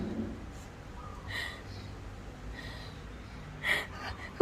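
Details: Stray cat sleeping and snoring loudly, not waking even to talking: soft, raspy snorting breath sounds recurring every second or so in a quiet room.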